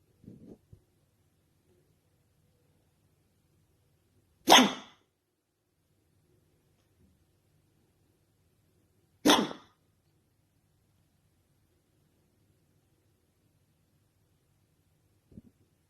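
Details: Person with hiccups: two sharp, abrupt bursts about five seconds apart on a quiet background.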